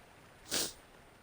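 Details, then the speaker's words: Streamer who says they keep having to sneeze: single brief, sharp, hissing burst of air over quiet background, consistent with one stifled sneeze. "am i gonna sneeze again of course i'm punched"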